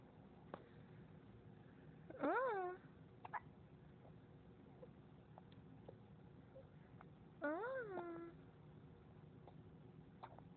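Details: Baby girl aged 3–4 months with the hiccups.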